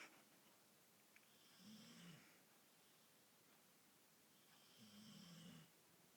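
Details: Irish Bull Terrier dog, half asleep: two slow, low, vibrating snores with a whistling hiss separated by quiet pauses; loud snoring.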